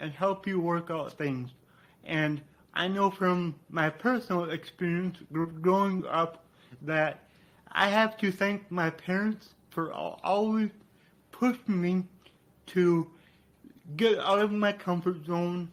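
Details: Adult man with dysarthria due to cerebral palsy, which he attributes to brain damage after being born without heartbeat or breathing and being revived.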